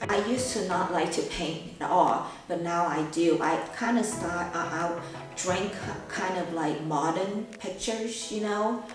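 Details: 51-year-old woman with aphasia after a massive stroke almost 2 years earlier; she did not speak for 3 months and now attends aphasia classes about 7 times a week.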